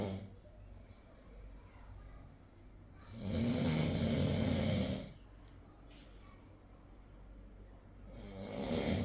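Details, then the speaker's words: Sleeping adult man snoring at medium loudness (wife says he usually snores much louder): rough, rumbling snore, then a quiet pause before the next. "এটা হচ্ছে মানে তোমার দাদা ভাইয়ের মানে মিডিয়াম শব্দে নাক ডাকা। এর চাইতে অনেক জোরে জোরে লাউডলি নাক নাক ডাকে।"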